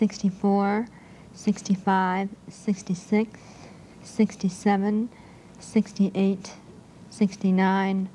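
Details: Adult woman with cleft palate, counting aloud without her palate closure appliance two years later, showing hypernasal speech in cleft palate.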